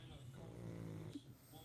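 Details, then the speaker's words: Small dog Dexter sleeping on a sofa; a single low rattling snore lasting about a second, fading into quiet room noise; snoring. "can you hear him snore he's just snoring at the moment so cutie"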